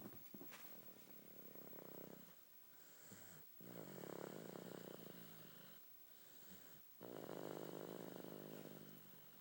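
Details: Snoring: repeated low, fluttering snores with short pauses, about three breaths in nine seconds; ordinary snoring.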